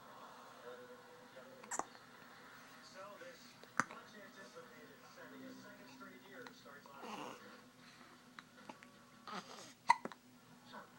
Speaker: Someone has hiccups.